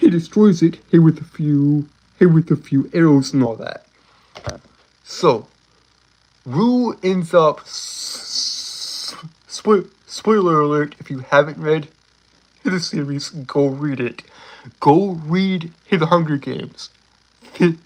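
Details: Adult male with a self-described speech impediment, a stutter; repeated words and fillers in this stretch; stuttering.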